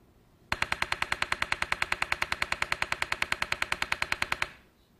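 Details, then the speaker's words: Repetitive transcranial magnetic stimulation (TMS) pulse train during depression treatment: rapid, even clicking at about ten per second for four seconds, then a twenty-six-second break; patient feels only tapping on the head, no pain. "we're ready to do the treatment and that provides a rapid pulse of TMS for four seconds with a twenty six second break"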